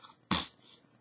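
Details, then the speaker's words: Simple vocal tic in an adult man with Tourette syndrome, who reports twitching, making noises and compulsive touching; a single abrupt, sneeze-like burst of noise breaking into quiet speech. "Another issue is that I have Tourette syndrome. So I twitch, and I'll do, you know, I'll make noises, and I'll have to touch things certain amounts of times, and I'll have to"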